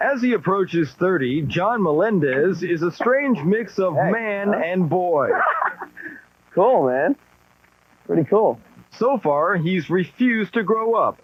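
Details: Adult male narrator; normal speech.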